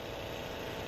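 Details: Steady, rapid buzzing hum of a MiniFlow (Flow Mini, 800 g) percussion massage gun running at a low setting, demonstrated while comparing power levels in a muscle recovery session.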